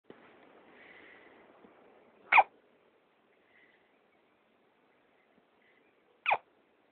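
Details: A person with hiccups: two abrupt, sharp hiccup sounds about four seconds apart against a quiet background.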